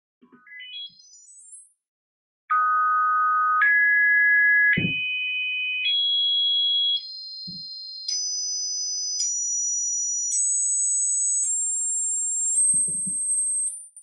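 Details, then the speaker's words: A fast rising sweep, then pure tones stepping upward in pitch: hearing-screening test sounds played into an infant's ear, where the ear's response helps diagnose certain forms of hearing impairment. "these sounds are then simply played into the infant's ear or to your ear if you like and by the response of the ear it because it's possible to diagnose certain forms of impairment of the of the of hearing here's how it sounds"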